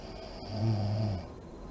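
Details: Mother in deep REM sleep with deep breathing and lip blowing: a single low, rumbling snore on a breath in; snoring.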